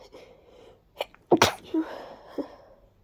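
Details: Congested person with active allergies and recent sudden sneezing fits, after a deep nasal tickle: a quick breath in, then a sharp burst and a softer follow-up burst of sneezing.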